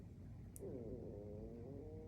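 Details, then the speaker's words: Low, wavering, gurgling stomach growling over quiet room rumble, from an adult who says she is hungry; borborygmi. "scale my stomach clearly it's time for me to go get something to eat answer to my carnal nature I don't know if you can hear my stomach growling but yeah"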